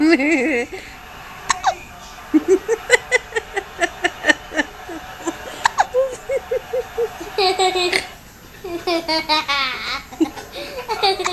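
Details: Infant with hiccups: repeated short, sharp hiccups roughly every half second, with cooing and an adult voice.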